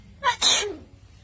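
A single sharp, hissing sneeze with a quick inward lead-in, imitated by a mynah bird.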